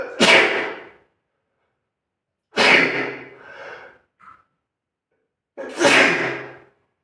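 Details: Person sneezing while on the toilet: three forceful sneezes in a row, each a sharp explosive burst of air that quickly fades.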